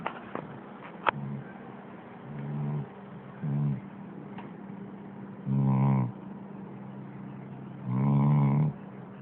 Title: dog snoring!?